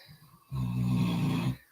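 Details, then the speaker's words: Dog snoring, heard in the background of a call; the listener took it for the dog snorting. "me that's my dog snoring if you heard that yes I did hear that and actually I figured it was your dog snorting"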